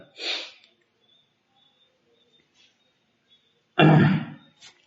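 A short breathy throat-clearing burst, a pause, then one louder harsh cough in a quiet room.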